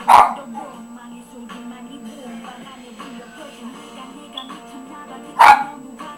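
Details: One-year-old miniature Doberman makes two abrupt, sharp bursts about five seconds apart over steady background music, consistent with hiccups.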